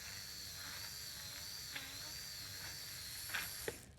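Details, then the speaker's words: Steady high-pitched motor whine of a surgical bur reaching subchondral bone and denuding cartilage at the first metatarsal base during minimally invasive percutaneous Lapidus joint preparation on a cadaver foot. "And you'll start to hear, I know this is a cadaver, but you'll start to hear a um high-pitched whine when you broach that subchondral bone. And that's your cue that you're starting to denude cartilage and reach that that subchondral bone."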